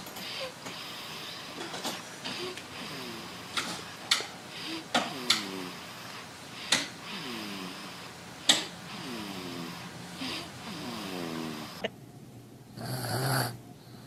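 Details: Baby snoring while asleep: repeated soft rattling snores with each breath, about eight in the span, with background clicks and room noise.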